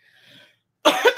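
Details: Adult with a persistent cough that will not go away: a faint breathy sound, a pause, then one loud, harsh cough burst.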